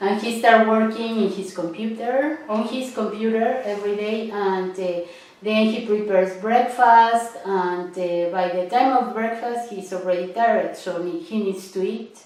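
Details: Adult woman speaking; no speech disorder.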